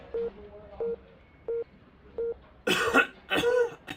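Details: Simulated hospital patient with fever, cough and myalgias, plus leukemia and COPD: regular monitor beeps, then two harsh acted coughs.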